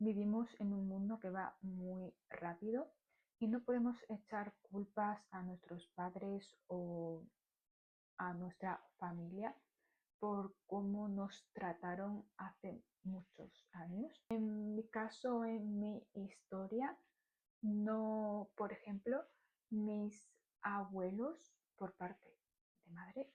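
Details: Stuttering in an adult woman speaking Spanish.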